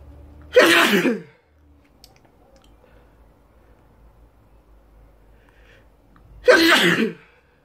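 Two loud sneezes about six seconds apart, each a forceful explosive burst, with a quiet room between them.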